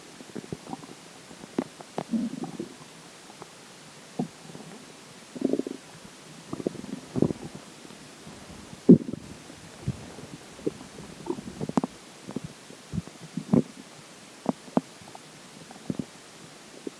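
Soft, scattered watery gurgles and pops over a quiet background: stomach gurgling, normal bowel sounds.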